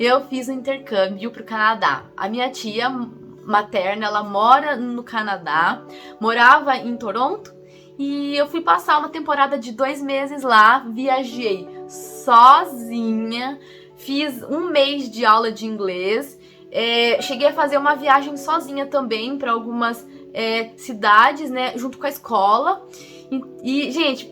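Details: Adult woman, 25, who stutters, with stuttering since adolescence or earlier; stuttering.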